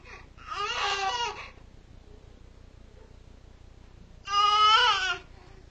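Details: Infant crying in two short bursts separated by quiet room noise, an ordinary baby cry, while a cat is said to comfort the crying baby.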